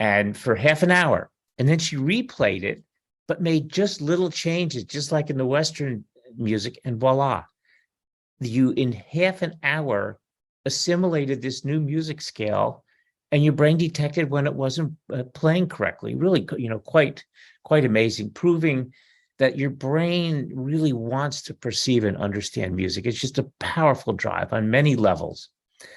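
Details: Adult male speaker; normal speech.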